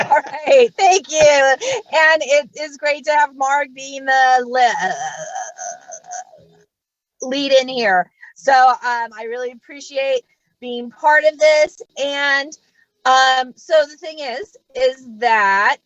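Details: Adult female comedian who stutters and says she does not fake it, speaking live during a comedy set; stuttering.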